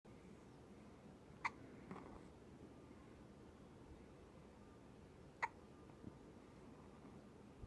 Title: Hiccups my baby girl.